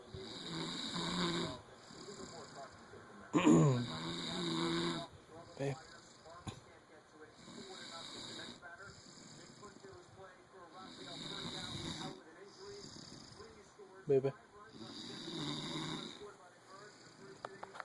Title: Snoring wife